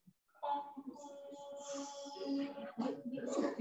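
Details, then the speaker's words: Catathrenia, a sleep parasomnia: prolonged, steady, monotone expiratory groan during sleep as the vocal cords close, then rougher noisy sounds, recorded alongside a hypopnea on polysomnography. "c'est ce qu'on appelle une paramonie comme le somnambulisme comme les gens qui grincent les dents la nuit c'est une maladie du sommeil et là c'est les cordes vocales qui se ferment pendant le sommeil"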